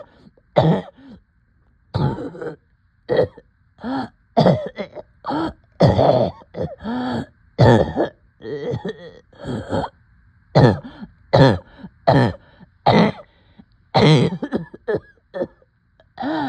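Repeated short coughs and throat-clearing bursts with brief gasping breaths between them, fitting coughing with shortness of breath.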